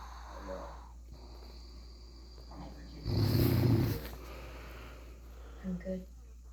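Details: Snoring at 2:38 am: a single loud, deep, rattling snore rising over a steady low hum, faint voices in background.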